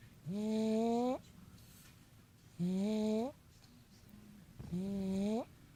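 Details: Three tonal, whistling snores from a sleeping pet (Tripp), each about a second long and rising in pitch at the end, about 28 breaths/min; snoring.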